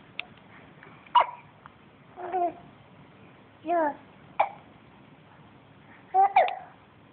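Abrupt hiccup bursts, about five in seven seconds, mixed with short vocal sounds from a baby in a quiet room.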